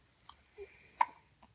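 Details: Hiccups: quiet, abrupt little voiced clicks, a few in quick succession, recorded softly in a quiet room.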